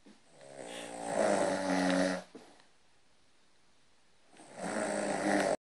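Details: Synchronized snoring, jokingly blamed on the dog: two loud, rattling snores, each a drawn-in breath about two seconds long, separated by a quiet pause.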